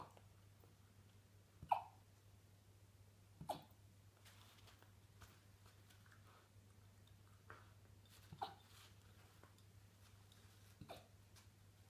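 Faint, sharp, brief catches recur at irregular intervals over steady room hum, about five in twelve seconds; hiccups in a puppy.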